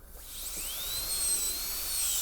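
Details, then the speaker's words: High-pitched whine of a high-speed dental handpiece speeding up, reducing the occlusal B plane from mesial marginal ridge through oblique ridge on a soft Kilgore preprepared MOD Class II practice tooth, classroom MOD gold onlay demo. "Just cut straight through from the measial marginal ridge all the way through the oblique ridge. So flat plane, not horizontal, but flat all the way across."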